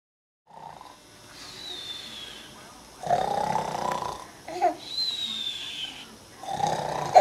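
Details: Sleeping adult man snoring while a child laughs; loud, rasping, fluttering breath sounds in repeated cycles about every three seconds. Heavy snoring.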